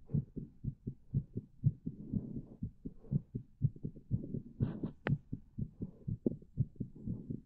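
Fast, steady low thumps at about 120 a minute, two sounds per beat, with a faint brief click midway; a quick heartbeat.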